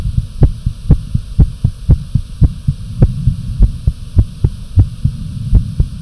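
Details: Fast, pounding, regular heartbeat around 110 beats per minute with some breath holds, visibly pounding: tachycardia.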